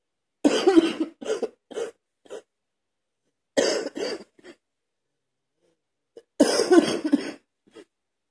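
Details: Adult man coughing while cleaning his truck, cough described as not getting any better: three harsh bouts of several quick coughs separated by quiet pauses; persistent repetitive cough.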